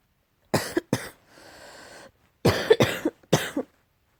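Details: Cat coughing, tagged as allergy: five sharp coughing bursts, two then three, separated by a soft hissing breath.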